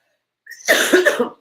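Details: An adult with a cold, a sore throat and a lost voice gives one short, harsh, somewhat rough cough after a brief inhale; cough.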